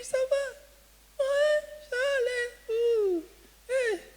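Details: Man imitating how he spoke when he had lost his voice before falling ill; severe dysphonia (imitated, not current).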